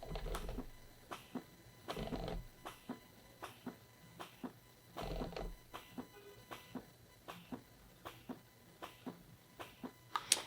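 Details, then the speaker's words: Elvie wearable breast pumps, left and right, running while worn by a mother of twins, recorded very close to the camera: quiet, regular soft pulses about every half second with longer whooshing cycles every few seconds; breast pump running. "So that's how close you have to be to hear it. I find that it's really, really quiet."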